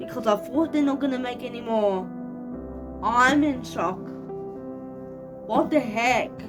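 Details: 25-year-old woman living with cerebral palsy, speaking naturally in a vlog: dysarthric speech in cerebral palsy.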